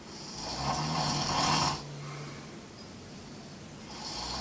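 One loud, harsh, buzzing breath in, then a quieter breath out, and the next snore beginning: snoring.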